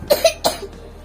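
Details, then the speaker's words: A child coughing. "ये देखिए इस बच्चे को खासी आ रही है अब मैं इस बच्चे को यह चॉकलेट वाले लड्डू खिलाऊंगी जिससे इसकी खासी छूमंतर हो जाएगी"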